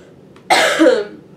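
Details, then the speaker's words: Woman with a cold, apologizing for her frequent coughing: a single harsh cough with a brief rough tail. "I'm sorry I'm really gonna I'm apologizing now because I'm gonna try to end it off my coughing but if I can't I'm so sorry guys it's so annoying"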